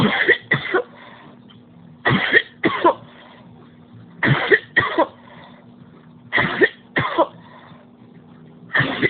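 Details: An adult's sustained coughing fit: repeated paired coughs in a steady run, about nine coughs in nine seconds, leaving them physically drained and in pain.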